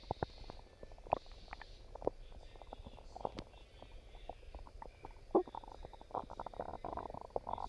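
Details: Stomach growling: quiet gurgles, squeaks and brief rumbling bursts at irregular intervals, ordinary bowel sounds from gas and fluid moving through the gut.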